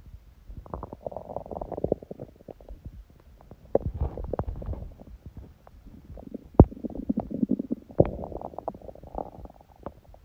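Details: Hunger stomach sounds, with sneezing: gurgling, bubbling rumbles with scattered clicks and pops of an empty stomach; normal hunger borborygmi.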